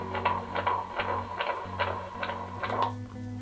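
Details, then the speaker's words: Fetal heartbeat from a 4D ultrasound, played back through a stuffed-animal toy speaker; rapid whooshing beat about 145 per minute with steady hum; mother 19. "I have a stuffed animal from one of her ultrasounds at a like a 4d ultrasound place and you can hear her heartbeat in it so it's so cool see"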